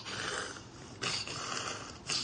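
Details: Physiotherapist evaluating speaking valve fit and upper airway patency in a tracheostomized patient: hissing airflow with sudden forceful bursts as the valve is expelled on exhalation, indicating upper airway obstruction.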